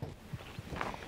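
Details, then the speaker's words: Heartbeat picked up by a microphone receiver worn at the chest during a strenuous Kings Canyon rim walk: dull, low thumps repeating quickly. "we get started I just want to point out that banging you can hear it's not a sound effect it's actually my Beating Heart I put my mic receiver in my bride keep it safe and it's picked up my heartbeat"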